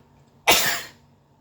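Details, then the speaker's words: Person sneezing from very spicy pizza with heaps of chili and garlic: one sudden explosive burst of air fading within half a second in a small room; single sneeze. "So much chili and garlic that I'm sneezing."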